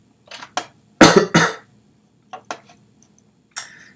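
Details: Persistent cough during a live coding stream: several sharp, harsh cough bursts in close succession ending in a short throat-clear; the speaker says he can't stop choking.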